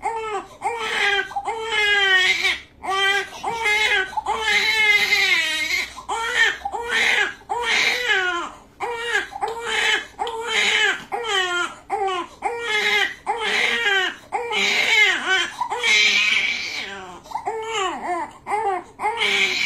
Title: Baby Cries During Circumcision